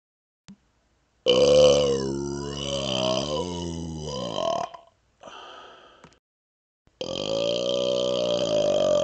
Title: Burping Smoke #3